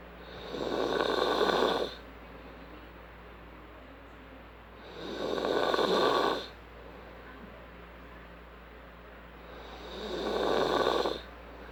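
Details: A person snoring: three long, rattling breath sounds at about 13 a minute, with a steady hum behind them.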